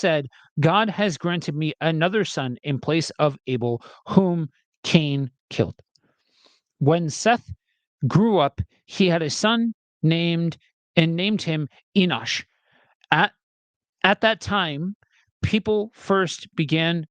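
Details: Adult male reader who says he has a speech impediment and will stumble and stutter while reading aloud; stuttering.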